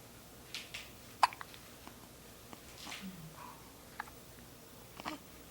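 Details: Faint, brief hiccup catches at irregular intervals in a quiet room from a baby who gets hiccups often, sometimes at 3 am.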